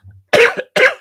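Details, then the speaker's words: Two short, dry, harsh cough bursts from an adult man with a hoarse voice, a tickly cough lingering over a month after COVID: cough. "something's going on it's not covered this is a tickly cough that has been hanging around since i had covered over a month ago"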